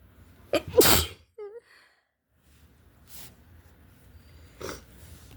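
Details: Person with cold or flu: a forceful spraying sneeze, a brief voiced sound, then sniffles and a softer sneeze.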